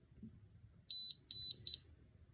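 Three high-pitched electronic beeps, the apex locator alarm sounding as the file reaches and passes the root apex.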